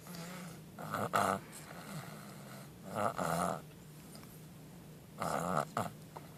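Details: Snoring: soft, rumbling snores repeating about every two seconds, with quiet breathing in between.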